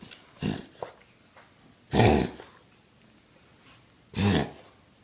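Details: Dog's reverse sneeze, owner says he sounds like a rhino: three loud, harsh snorting inhalations about two seconds apart.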